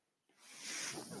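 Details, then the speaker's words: A brief silence, then a rising, steady hiss of air as the speaker's own ventilator delivers a breath while they introduce their podcast: mechanical ventilator airflow. "Oh everyone my name is that noise you're hearing is my ventilator and welcome to page-turners"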